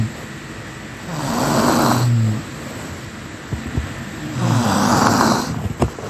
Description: Snoring Sound Effect